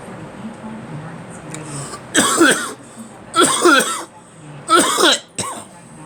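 Three voiced, hacking coughs followed by a brief throat-clearing, with a radio announcer talking faintly in the background.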